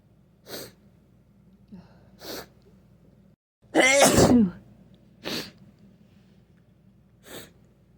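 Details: One loud wet sneeze with a few softer sniffs and breaths around it in a quiet room; snotty sneezing with a cold.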